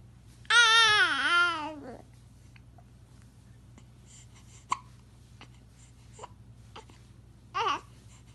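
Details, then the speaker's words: Baby hiccuping repeatedly: a brief wailing cry, then soft, sharp hiccup catches at irregular intervals in a quiet room. Hiccups. "என்னடா இது விக்கில் எடுத்துகிட்டே இருக்கீங்க பார்க்குறியா?"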